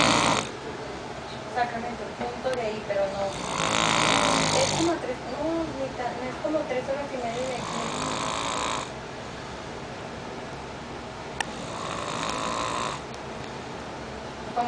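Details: Loud, harsh snoring while sleeping, about four breaths in fifteen seconds, partly masked by background talk and room noise; snoring.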